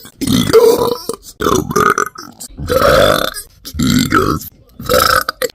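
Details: Woman burping after drinking 2.5 cans of soda on a dare: several long, loud, croaking belches in a row, about five in six seconds; forceful repeated burping.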